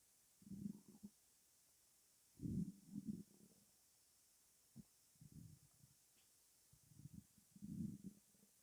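Irregular low gurgles and rumbles with quiet gaps between them: normal stomach rumbling.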